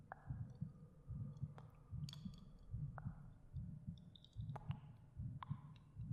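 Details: Real recorded heartbeat of an adult narrator, binaural ASMR audio: soft, regular low thumps at about 74 a minute with faint clicks and room noise; normal heartbeat.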